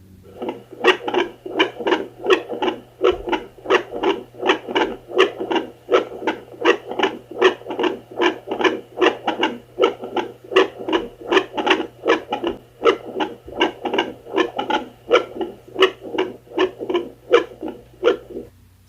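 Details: Rhythmic whooshing pulses at about 79 a minute, picked up by a handheld Doppler from a non-pregnant woman with no hCG, with the probe angled toward her heart, over a steady hum; her own heartbeat, not a fetal one.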